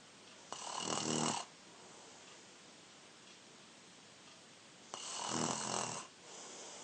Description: 14 year old Younger brother snoring 21 December 2019